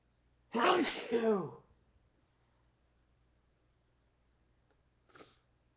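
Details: Man talking on camera at night sneezes; he says he gets sneezing attacks: one loud, explosive two-part sneeze, then quiet and a brief short sound; sneezing.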